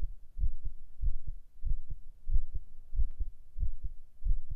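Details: Soft, regular paired low thumps at about 94 beats a minute, a normal heartbeat recorded as binaural relaxation audio.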